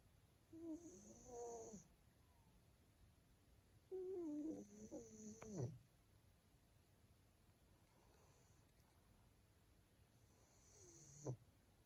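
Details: Sleeping male Maine Coon cat: soft, whistly, irregular snores with small snorts a few seconds apart in a quiet room; snoring.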